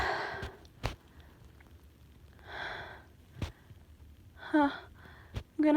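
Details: Person home sick and very sneezy: sharp audible in-breaths and sighing breaths between quiet stretches, building-up gasps before sneezes; gasping.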